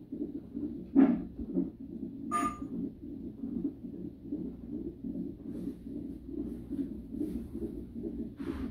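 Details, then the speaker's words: Fetal heartbeat on Doppler monitor during a 37-week non-stress test in a high-risk pregnancy: fast, regular whooshing pulses with brief knocks; heartbeat described as not that strong but getting strong and fast whenever the baby moves. "The baby's heartbeat is not that strong. Every time he moves, the heartbeat's getting strong and fast."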